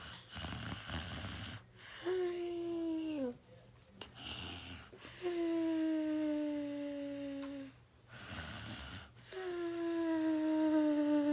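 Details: Snoring during sleep, reportedly lasting 6 hours: noisy rattling breaths alternating with long, falling, whistling tones, about 17 breath cycles a minute.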